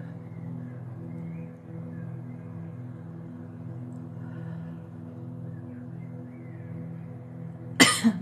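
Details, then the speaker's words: Cough from an adult woman with COVID for the past week, lungs affected: coughing during a live stream. "If the sound of me coughing is going to annoy you, I highly suggest turning your volume off because I can feel it tonight."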